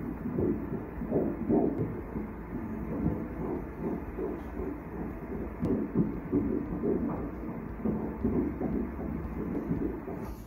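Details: Fetal heartbeat on ultrasound at 11 weeks 3 days of pregnancy: rapid, regular whooshing beats measured at 161 beats per minute, a normal fetal heart rate.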